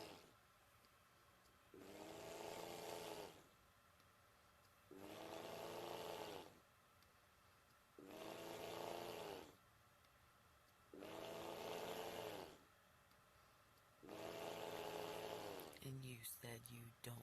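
Loud, rough, rattling snores on each breath in, about 20 a minute, separated by quiet breathing out; ordinary snoring in a quiet room.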